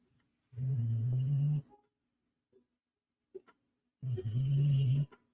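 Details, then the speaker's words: Dog snoring loudly indoors: two long, loud, low rumbling breaths about three seconds apart, with quiet pauses between them. "My dog is super snoring right now. So hopefully you like that sound."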